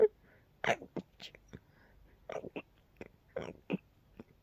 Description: A night tickle sneaked into my nose... Tried to be as quiet as I could 🤫